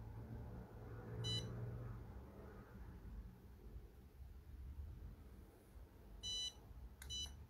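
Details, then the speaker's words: Three short high electronic beeps over low room noise, the curing lamp's 20-second timer signal while light-curing clear composite over a titanium thread in podiatry. "20 секунд 20 40 секунд у них у этих ламп есть таймер я устанавливаю на 20 секунд"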